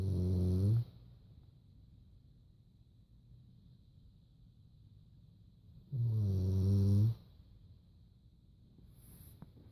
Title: Nap time .... snoring